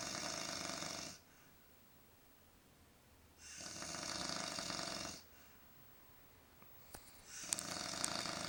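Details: Snoring in a motel room: loud, rasping snores on each in-breath, about three in eight seconds, with quiet pauses between.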